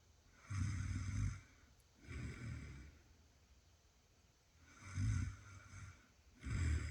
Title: refuses snoring despite being captured in camera